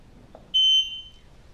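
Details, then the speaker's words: Hospital med-surg bed exit alarm being set by a caregiver: a single short electronic confirmation beep as the indicator light illuminates. "i know that it is set i heard one beep and the light next to that icon has illuminated indicating to me that the patient's bed exit alarm is set"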